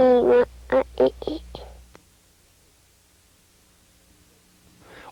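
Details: Child with a repaired bilateral complete cleft lip and palate often uses compensatory glottal stops; glottal stop substitutions (cleft palate speech).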